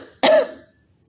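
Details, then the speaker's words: A single brief, moderate cough after a breath out, demonstrated by a respiratory therapist in pulmonary rehab while leaning forward with an arm pressed into the belly; a controlled, unforced cough to help clear mucus. "now it's important to not force this cough okay no matter what it sounded like on the video I wasn't really forcing that coffee it wasn't a hard coffee"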